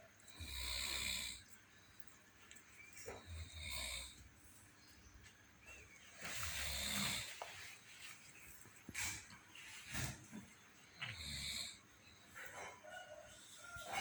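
Loud, rattling snores recur with the breathing, some with a snorting edge, over a quiet room. Snoring.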